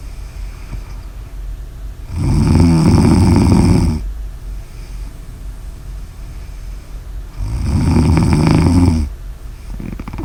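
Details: Ordinary snoring: two long, loud rattling snores on the in-breath, about 11 breaths a minute, with quiet breathing between.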